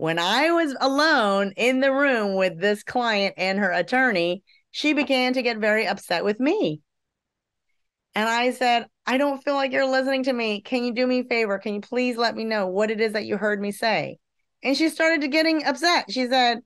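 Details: Adult woman; normal speech.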